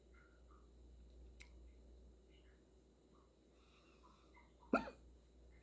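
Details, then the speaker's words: Severe, violent hiccups described as painful, just after eating a lot of spicy food: a sudden loud hiccup with a sharp catch of breath after a quiet stretch, plus a fainter earlier one. "These are the worst hiccups I've ever had. I had so much spicy food just a minute ago."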